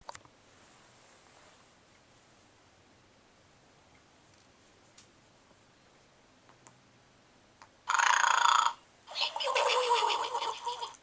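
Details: Simulated snoring from a 2008 Gund Arnold the Snoring Pig plush toy: after near silence, two electronic, rasping snore-like noises play in quick succession.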